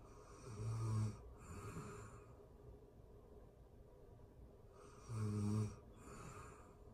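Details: Real-time recording of a person asleep: two low, rattling snores on breathing in, a few seconds apart, with quiet breathing between; ordinary snoring.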